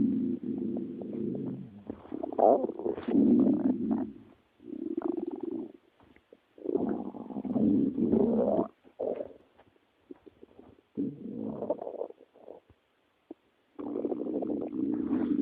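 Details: Stomach growling (borborygmi): loud, rolling gurgles and low rumbles in bursts with short quiet gaps.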